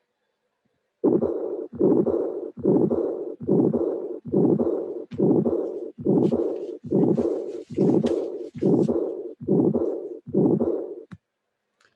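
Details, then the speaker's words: First sound, systolic ejection murmur, second sound, then a high-frequency diastolic murmur covering diastole; mixed aortic stenosis and regurgitation. "here you can appreciate that you have the first sound the ejection murmur the second sound and here the diastolic murmur you will hear this diastolic murmur covering diastole"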